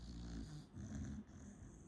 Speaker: That is my dog snoring. I'm so sorry if you can hear her. She's resting.